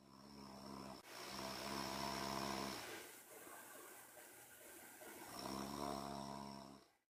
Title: Snoring sound effect. Paghilik!